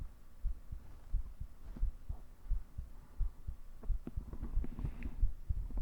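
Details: Heartbeat recorded with a 3dio binaural microphone for an ASMR cuddling roleplay, lying in grass: soft low thumps about 85 a minute, somewhat uneven in loudness, faint room hum; normal resting heartbeat.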